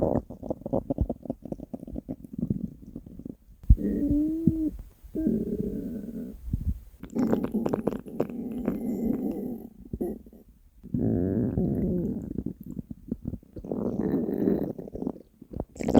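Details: Hunger stomach growling (borborygmi) from the uploader's own stomach: long, low gurgling and rumbling growls, some with squeaky rising tones, from an empty stomach; normal hunger sounds.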